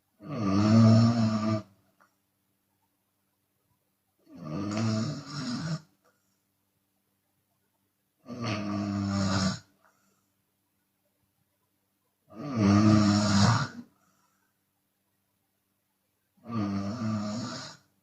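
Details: Open-mouth snoring from a Chinese woman during sleep, sometimes on exhale: loud, rasping snores on each breath in, about 15 breaths a minute, with quiet breaths out.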